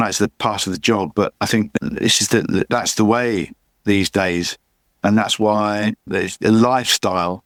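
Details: Adult man with chronic aphasia after a massive stroke about 11 years earlier; he still cannot read or write and says his speech is not great; aphasia.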